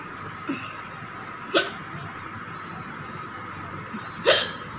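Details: Woman's real hiccups brought on by eating very spicy green chili: short, sharp hiccups at irregular intervals over a steady background hum; hiccups.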